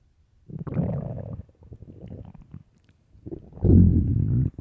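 Loud, deep gurgling rumbles in two bursts with bubbling between; stomach growling from an empty, hungry stomach.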